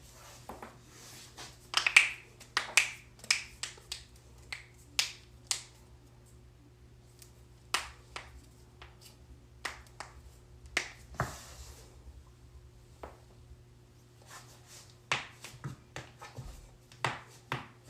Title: joint cracking compilation